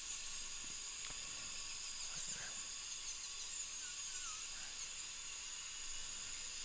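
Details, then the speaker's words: Dental drill with flat-end diamond bur scoring inside the tooth to remove remnants of old filling and decay on tooth number two, a second molar, during crown preparation under rubber dam: steady high-pitched whine, faint squeal, constant hiss. "I'm going to come in and just score the inside surface just to take away any of the remnants of the old material clean it up"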